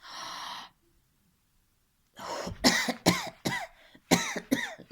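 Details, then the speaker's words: Woman who recently had a cough demonstrates it: she holds her breath, then gives about five quick, slightly loose, wet coughs on exhalation, saying she still has some sputum; productive (wet) cough. "у меня немного есть я недавно кашляла У меня есть немножко Вот мокрота"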